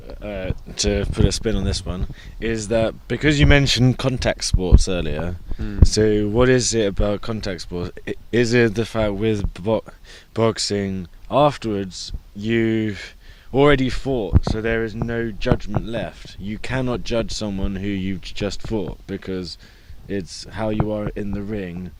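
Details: Adult who stutters, reporting months of bad speech days with blocks; stuttering.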